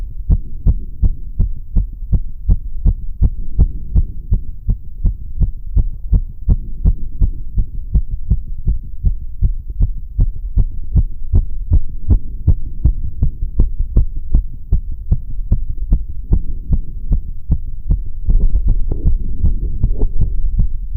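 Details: Stethoscope auscultation of a rapid, regular heartbeat at about 160 a minute: severe sinus tachycardia after a bit of time on a rowing ergometer.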